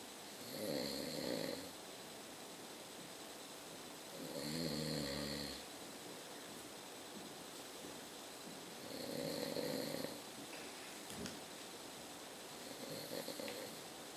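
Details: Old man (father) snoring around 11:30: four loud, rattling snores about every four seconds, roughly 15 breaths a minute, quiet gaps between; ordinary sleep snoring.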